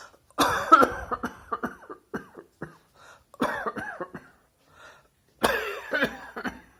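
Three acted bouts of repeated coughing, each a loud burst followed by smaller trailing coughs, in a quiet room.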